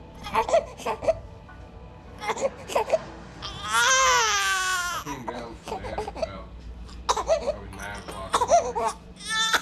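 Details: Sustained, rising-and-falling wail among fussing sounds from a one-month-old baby boy crying for his bottle, with background music; a hunger cry.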